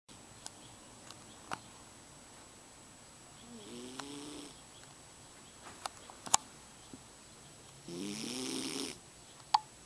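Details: Sleeping cat: two soft, buzzing, slightly tonal snores on the breaths, with faint clicks and quiet room noise between them; snoring.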